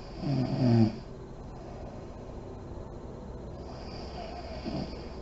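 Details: Sleeping mother in deep REM sleep, lights on: one loud, low rattling snore, then quiet breathing and a softer second snore near the end.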